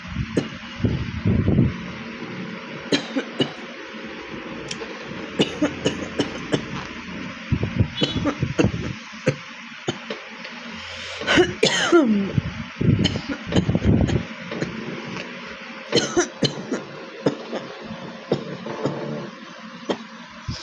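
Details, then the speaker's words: Real cough from a bad cold: repeated short harsh coughs with throat clearing and breaths between them in a small room. "তো এখন আমি একটু real cock হয়েছে বলে real cock চ্যালেঞ্জটা দেখাচ্ছি তোমাদের। বেশি করবো না। তিন মিনিটের করব।"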